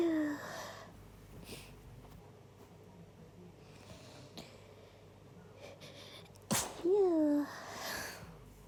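Quiet sniffing and breathing build up to one loud, forceful sneeze with a voiced cry at its end, part of an induced sneezing bout.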